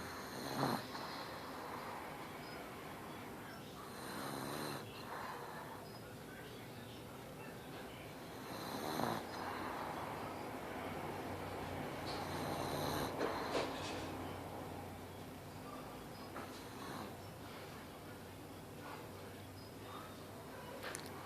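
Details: Pug dog snoring loudly while asleep: rough, rattling snore bursts roughly every four seconds, with quiet room noise between breaths.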